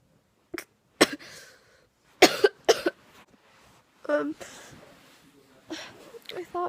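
Four short, harsh cough bursts with quiet pauses between them, then a few softer throat sounds. This is coughing in an unwell adult.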